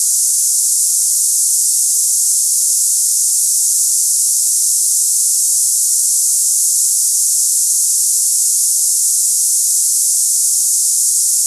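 A steady, loud, high-pitched hiss, like cicadas, plays without change. It is a simulated sample of cicada-like tinnitus.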